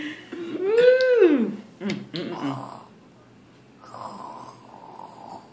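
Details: 4-year-old girl imitating how family members snore: voiced rising-then-falling snort followed by short rough bursts in a quiet room, playful imitated snoring.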